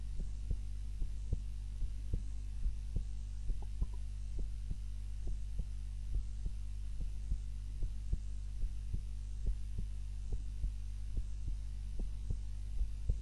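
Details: Normal heart sounds during an afternoon nap, self-recorded on a timer while lying on the back (usually prone): regular soft low thumps, roughly 70 beats a minute, over a steady low hum.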